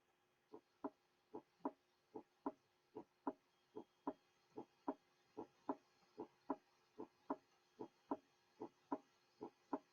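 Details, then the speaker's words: Teaching recording: regular lub-dub at about 75 beats a minute; the first sound is slightly lower in pitch than the second. Normal first and second heart sounds. "Listen to these sounds and keep in mind the systolic and diastolic periods in the cardiac cycle. Normally, the first sound is slightly lower in pitch in comparison with the second sound."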